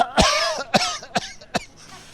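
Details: Adult man coughing right after drinking 40% tsipouro: four short, sharp coughs in quick succession, first strongest, tailing off; brief reflex coughing fit.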